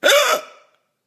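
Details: Hiccups ongoing for 5 hours: a single abrupt, high, squeaky catch of breath that fades quickly.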